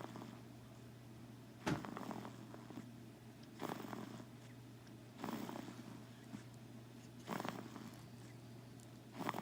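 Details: Snoring: soft, rattling snorts recurring about every two seconds over a steady low hum.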